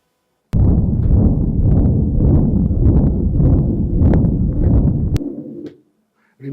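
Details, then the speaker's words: Loud, unbroken rumbling murmur with a systolic component running straight into a diastolic one, heard high under the left axilla; continuous (machinery) murmur of patent ductus arteriosus. "But continuous murmurss are slightly more common almost inevitably associated with a patent duct to start uses and we got the systolic component immediately followed by a diastolic component. So we hear the murmur with no stop."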